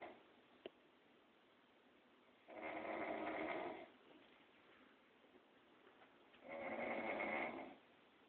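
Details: Woman snoring while a dog tries to sleep nearby: two loud, rough snores about four seconds apart, with quiet pauses, roughly 15 breaths a minute.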